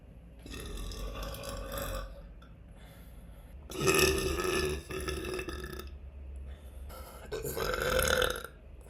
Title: Uncontrollable #burps